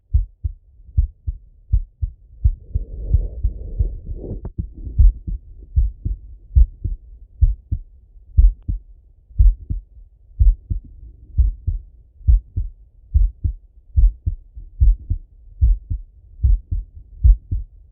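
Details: Male heartbeat by stethoscope during full heart auscultation, recorded either sitting at a desk or lying in bed: steady lub-dub at about 70 beats a minute, brief chest-piece rustling early on; normal heart sounds.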